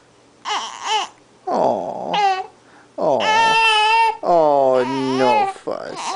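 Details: Baby boy with hiccups fussing, with short whiny crying bursts and babbling sounds; an ordinary fussy cry.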